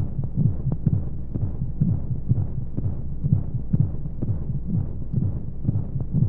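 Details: Womb sound for baby sleep: muffled, steady heartbeat thumps near 125 a minute over a constant rushing hiss of white noise and monotonous flowing sounds. Heartbeat.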